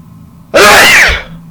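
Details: Man's sneezing recording with talking and buildups: a single loud, explosive sneeze in a quiet room.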